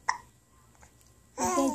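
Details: Infant girl aged about three and a half months: a single sharp, brief hiccup, then after a quiet pause soft voiced babbling; infant hiccups.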